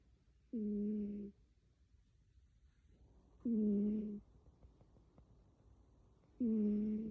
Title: Cat Snoring